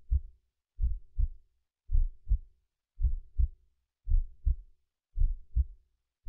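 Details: Person's own heartbeat, mono recording converted to stereo with slight left-right pitch change for binaural effect: regular paired lub-dub thumps about 55 per minute, no added sounds; normal heartbeat.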